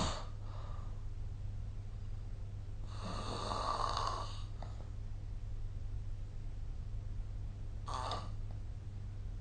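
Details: Sleep snoring recorded with a snore-recording phone app: three rough, rattling snores over about nine seconds, with a steady low hum in the room behind them.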